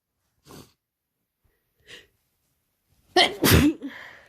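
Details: Two soft sharp inhalations, then a loud, wet, explosive sneeze and a brief snuffle from a non-binary person with a cold for two days, suspected highly contagious: sneezing.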